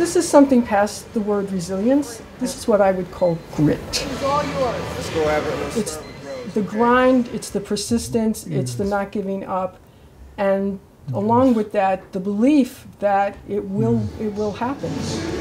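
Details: Adult speaker; normal speech.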